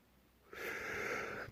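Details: From a compilation of one person's own loud sneezes: a quiet lead-in, then a single loud, sudden, explosive sneeze lasting about a second.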